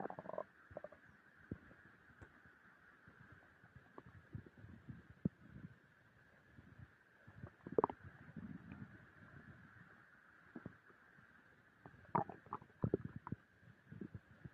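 Irregular low gurgles and rumbling bursts from the belly over steady background hiss: stomach growling during digestion after a large meal, a normal finding.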